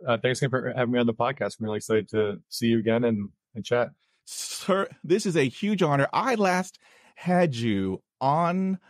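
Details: Stuttering in an adult man.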